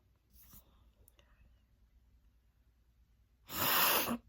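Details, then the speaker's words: Sneeze deliberately induced with sneezing powder sniffed from a plate: quiet breathy build-up, then one sharp, loud sneeze burst near the end; a single sneeze. "Got some sneezing powder here. Gonna put this on this plate. Have this Chinkini powder. It's bound to make me sneeze."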